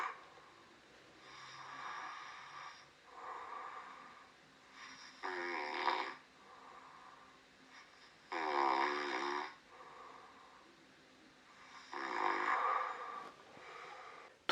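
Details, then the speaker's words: Adult snoring during sleep recorded after applying an anti-snoring mouth patch: loud, sharp, rattling, buzzing breaths roughly every three to four seconds, from a peak-amplitude part of the recording. "침 폭은 얼마 넓지는 않지만 상당히 날카로운 소리가 나면서 꽤나 크게 들리는 걸 알 수가 있습니다"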